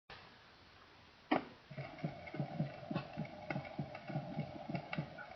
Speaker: while this commonly is heard with bundle branch block it may occur in many individuals with Perfectly Normal Hearts without block reduplicated second sounds at the base are found with normal and with abnormal hearts